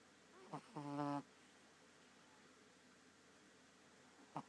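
A short buzzing, vibrating snore with a brief snort before it and another a few seconds later, in a quiet room.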